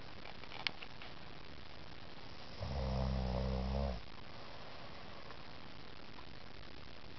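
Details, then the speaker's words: Adult woman, 9 months pregnant, snoring while asleep at 3:30 a.m. (title mentions Tylenol PM); a single low rumbling snore of about 1.5 seconds rising out of quiet room noise, said to be milder than previous nights; snoring. "9 months pregnant. I've been telling her how much she snores. I think it's time to catch it on videotape."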